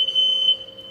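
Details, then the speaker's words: Steady high-pitched electronic tone from a Progressa hospital bed's exit alarm, triggered when the person on the bed moves toward the side during a training demonstration; bed exit alarm. "We try exiting. Yep. So it's done. Okay. You try to move Yes. more to the side. Okay. So it will alarm."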